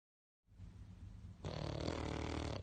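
Low rumbling, grunting noise that gets louder partway through, fitting loud snoring from a small flat-faced dog.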